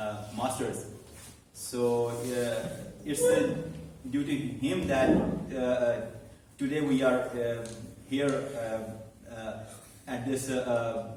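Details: Man who stammers, in a stuttering support Toastmasters club for about eight to nine months and has learned to accept it; stuttering.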